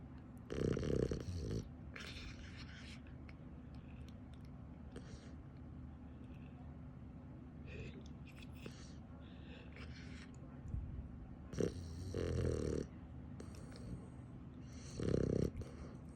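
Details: Dog sleeping upside down, snoring; rough, rattling snores in bursts every few seconds over a steady background hum.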